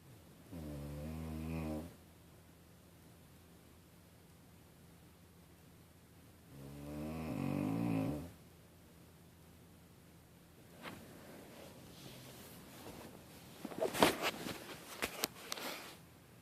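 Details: Ordinary snoring: two long, low rumbling snores a few seconds apart, followed by quieter rustling and small noises.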